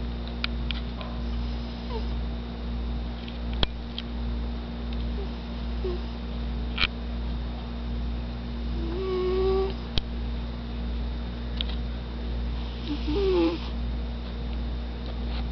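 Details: Cat snoring loudly: soft rhythmic snores over a loud steady hum, about 16 breaths a minute, with faint squeaky noises during breaths.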